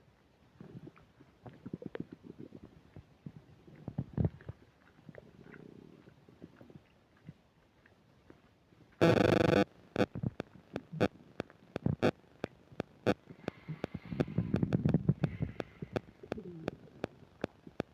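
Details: Soft gurgles and rumbling bowel sounds (borborygmi) with clicks and bursts of microphone static, stomach rumbling while eating a burger and fish fries, with upset digestion.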